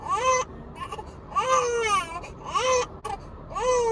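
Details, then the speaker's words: Hunger cry of a two-month-old girl, taken off feeding before she was done: repeated high-pitched wailing cries with short breaths between, about four cries in four seconds. "she probably still hungry because if people came out with our food before she was completely done so I had to take her off to get the food through the the window"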